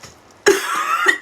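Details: A single harsh, explosive cough from an adult woman who says she feels completely congested, with a brief rough follow-through at the end, in a small quiet room.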